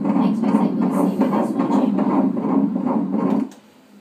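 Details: Fetal heartbeat of a baby boy at 16 weeks of pregnancy, heard on Doppler at a prenatal check-up: rapid, regular whooshing pulses at about 150 beats a minute.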